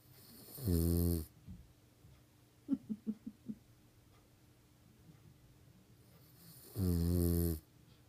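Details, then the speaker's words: Hugo snoring in sleep: two loud, deep, buzzing snores about six seconds apart with soft snuffling between; owner jokes he needs a CPAP machine. "Oh boy. He needs a CPAP machine."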